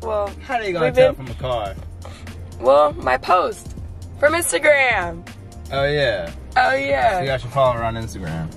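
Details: Adult speaker in casual conversation; Normal voice.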